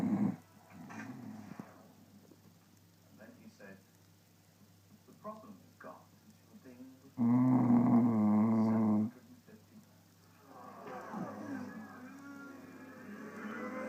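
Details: Sleeping Staffordshire bull terrier: snoring. Snoring.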